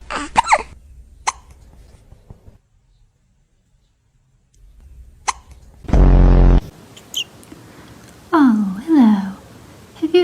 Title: Funny & Cute Cat Hiccup Moments | You’ll Melt! 😺✨ #cutecats #cathiccups #kitten #funnycats